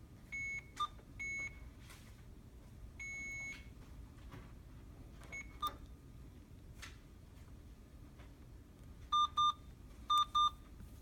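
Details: Infusion pump being programmed for a secondary infusion of imipenem 500 mg in 100 ml for a 34-year-old woman with fever of unknown origin and renal failure: short key-press beeps and paired tones; routine sounds, not an alarm.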